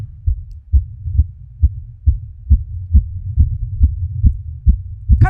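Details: Girl's heartbeat recorded on a very sensitive microphone with volume increased: regular low thumps at about 135 a minute over a faint hum, the pulse accelerating at first and then calming a little; a rapid heartbeat.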